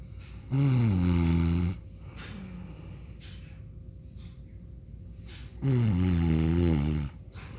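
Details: An adult man (a dad) snores during sleep, with two loud, deep, buzzing snores about five seconds apart over a steady room hum: typical loud snoring.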